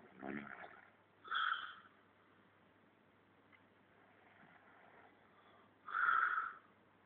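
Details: A person dozing at work after lunch: two or three short, harsh, snorting breaths separated by quiet pauses; snoring during sleep.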